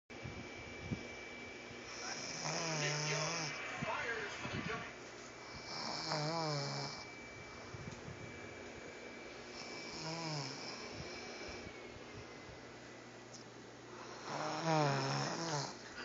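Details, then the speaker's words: Sister recorded asleep to hear how loud she snores: four rattling snores on the breath in, about 15 breaths a minute, over a steady faint room hum; snoring. "Did you really snore? Listen to it and cry."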